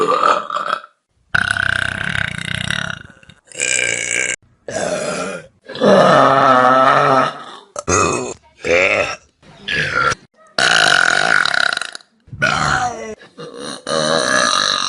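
A string of long, loud, rumbling belches from different people, edited together; ordinary burping.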